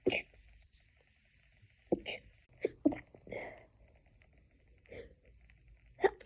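A run of about five short, muffled sneeze bursts with soft breaths between them: stifled sneezing in a sneezing fit.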